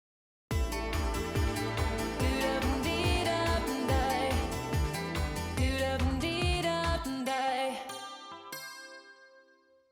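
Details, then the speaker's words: Normal-hearing reference before simulated noise-induced hearing loss from 100 dB exposure: full, clear pop music with singing, deep bass and bright treble, unfiltered. "우선 청력 손실이 전혀 없는 경우에 소리가 어떻게 들리는지 한번 보세요. 소리가 좀 클 수 있습니다."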